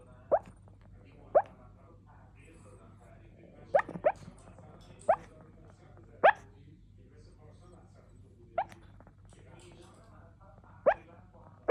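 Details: Puppy with hiccups: nine small, abrupt, squeaky hiccups at irregular intervals over about twelve seconds, with faint room noise between them.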